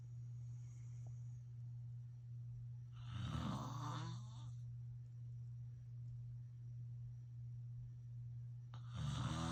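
Low rattling snores about six seconds apart over a steady low hum of room noise: loud snoring in sleep.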